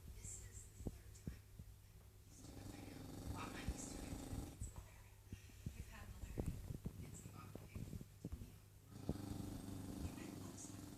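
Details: English bulldog snoring: low, rattling, snorting snores with long drawn breaths about every three seconds, over background noise.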